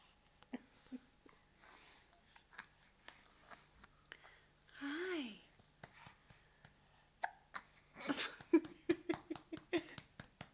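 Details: Infant with hiccups after a night feeding, in Addis Ababa, Ethiopia: repeated short, sharp catching sounds, a brief baby vocalization, soft adult voices nearby; hiccups.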